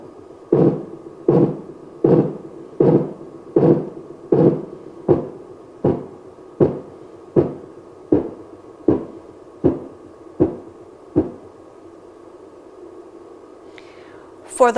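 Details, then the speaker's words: Simulated Korotkoff sounds from a GERi/KERi manikin arm through external audio, with the cuff inflated past 200 then slowly deflated. Regular tapping beats at about 79 per minute fade and stop. "slowly allow the air to release and listen for the five kurodo cough sounds"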